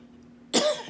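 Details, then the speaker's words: Single brief, forceful isolated cough from an adult who is ill, stuffy and has been coughing, after half a second of quiet room tone: cough. "Please excuse any coughing that I'm going to do because I have been coughing."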